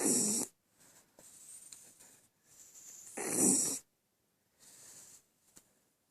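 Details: Loud rattling snores in bursts about three seconds apart, with quieter breaths between; snoring from a female West Highland White Terrier, fast asleep.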